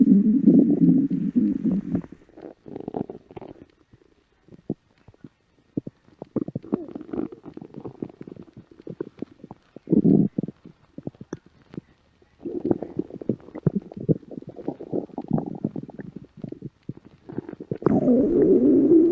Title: Alluring Stomach Growl 💖